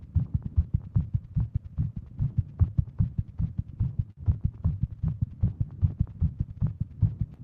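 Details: Tachycardia in a female with WPW syndrome, heart pounding while sitting at her desk, watch reading over 150: rapid, pounding heartbeat at roughly 150 beats a minute, a fast racing rhythm.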